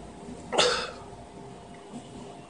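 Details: Single sharp, explosive sneeze burst over quiet room noise, from a comedy skit about how people sneeze.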